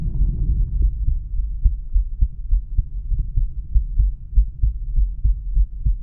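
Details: Normal heart sounds from a male heart, auscultated with the stethoscope diaphragm across the aortic, pulmonic, Erb's point, tricuspid and mitral/apex areas.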